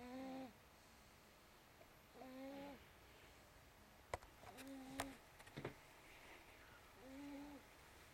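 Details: Snoring from a sleeping baby boy.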